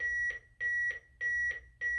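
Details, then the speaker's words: Steady paired electronic beeps at a regular pace from an automated external defibrillator's built-in metronome marking the CPR chest compression rate, during AED training; AED CPR metronome beeps. "it is the rate that we're doing cprn almost every aed has that metronome in it"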